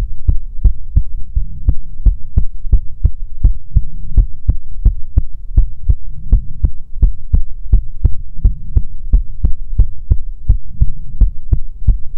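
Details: ASMR heartbeat recording, presented as soothing heartbeats from a female persona: even, regular beat, about 85 per minute, with a soft hum behind; ordinary resting normal heartbeat.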